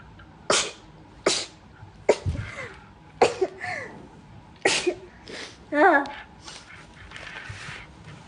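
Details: Rapid run of about six sharp sneezes in quick succession, some with a brief vocal catch, over quiet background; rapid sneezing.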